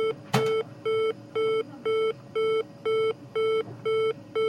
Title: Oxygen Saturat Alarm / 01